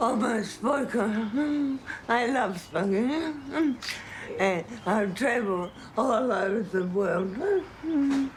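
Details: Hyperkinetic dysarthria in an adult woman with late-stage Huntington's disease; she could walk without help six months earlier.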